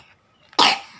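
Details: Young child with a cold, runny nose and hoarse voice, just woken from sleep: a single abrupt, harsh cough with a brief noisy tail.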